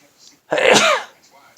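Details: A single loud explosive sneeze after a short breath in, in a quiet room, on a Monday morning; person routinely has multiple sneezes each morning.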